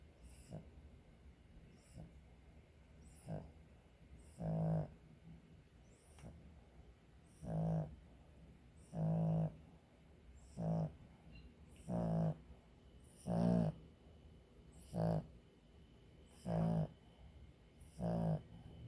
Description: many times sleep with snoring. its so funny and cute. enjoy ! :)